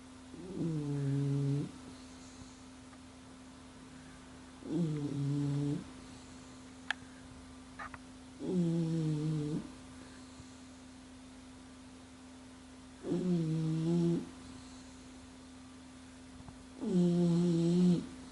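Loud, rhythmic voiced snores about once every four seconds, roughly 16 a minute, over a steady background hum.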